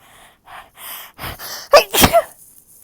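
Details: Several sharp inward breaths building to a loud, explosive sneeze with a moaning, voiced tail, leaving snot and goosebumps afterward: an ordinary sneeze.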